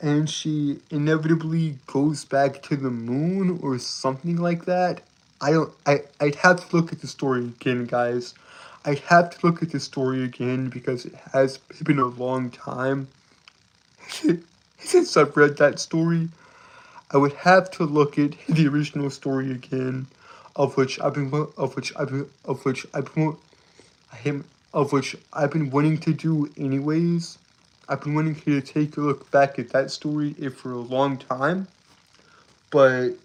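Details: Stuttering with word and phrase repetitions in a male streamer who reports a speech impediment that makes him stutter and trip over his words.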